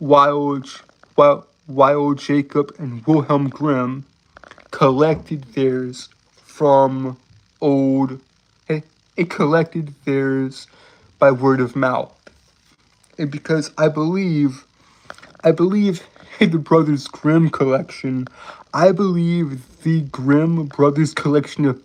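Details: Real stuttering in an adult male streamer who says he has a severe speech impediment that makes him stutter and trip over words; word and phrase repetitions.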